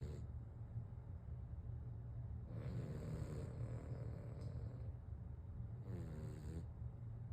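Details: Two dogs, Watson and Moose, snoring back and forth while asleep: two rattly snores about three seconds apart over steady low rumbling background noise.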